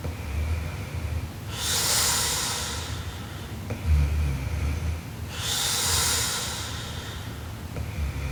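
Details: Sleeping Japanese girl snoring very loudly: slow, harsh breaths about every four seconds with rattling rough sounds on each cycle.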